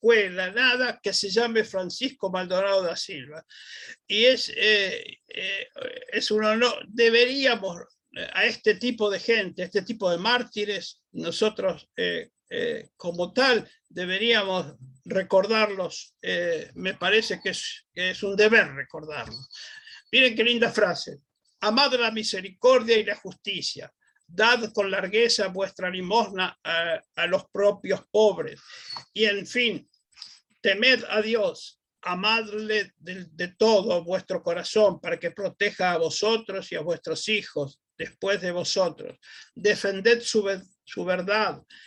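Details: Dysphonia in an adult male speaker, who himself apologizes for his dysphonia and doubts the audience can hear him well.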